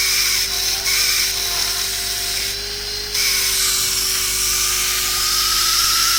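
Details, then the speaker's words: Dental drill, continuous high-pitched whine with brief pitch dips as the bur cuts, while preparing the proximal box of a mesio-occlusal cavity with tapered walls and flare. "can appreciate the flare here. The walls are tapered. I am preparing the proximal box now."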